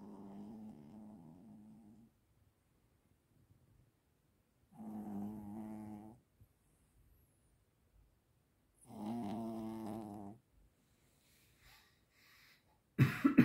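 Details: Sleeping snorer described as a "snoring monster": three long, low, buzzing snores with quiet pauses, then a sharp noise at the end; snoring.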